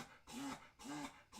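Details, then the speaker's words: A dog coughing in a small room: two harsh, honking cough bursts in quick succession. "my dog making that sound. I apologize if you hear it. It's not a pleasant sound. He's coughing over there."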